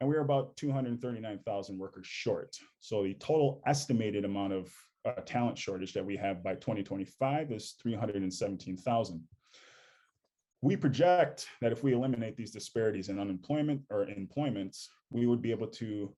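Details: Adult male speaker; normal speech.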